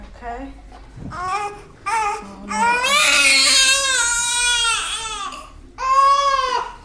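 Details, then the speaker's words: Newborn baby boy crying during his first bath at home: repeated bursts of crying with one long, strong wail and short breaths between cries; newborn crying. "Do you want me to help? Yeah. I don't think he likes baths."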